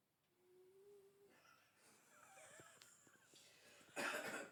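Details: Snoring from Bobby, a sleeping cat.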